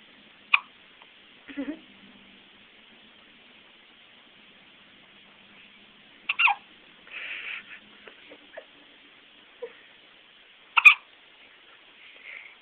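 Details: Infant hiccups, which happen to him every day: several brief, sharp, squeaky catches, some in quick pairs, with short pauses between.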